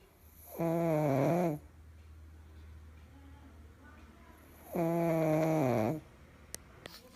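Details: Pug snoring: two long, loud, buzzing snores about four seconds apart with quiet breathing between, over steady low room hum; snoring.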